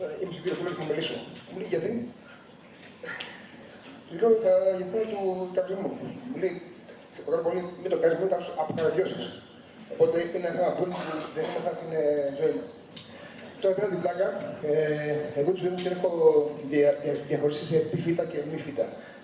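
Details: Stuttering in an adult man who stutters, speaking Greek at a stuttering seminar.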